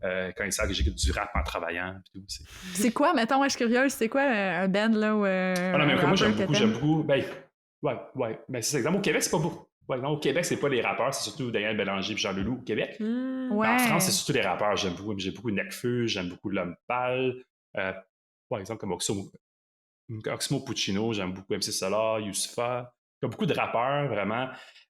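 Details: Longstanding stuttering in a 38-year-old man who says he has stuttered for a very long time; stuttering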